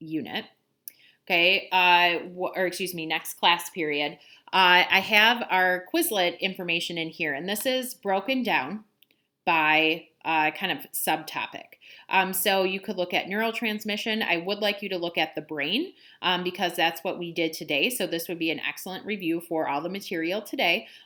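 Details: Adult woman speaking; normal speech.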